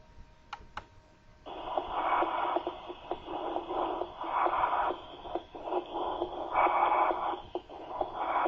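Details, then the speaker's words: Harsh, hollow tubular breath sounds over the chest wall, with the heartbeat audible underneath; bronchial (tubular) breath sounds, a sign of lung consolidation. "por lo tanto es un signo de consolidación que encontraremos en neumonía edema agudo del pulmón tuberculosis Incluso en el cáncer escuchemos un soplo tubárico y Note Cómo se escucha el latido cardíaco"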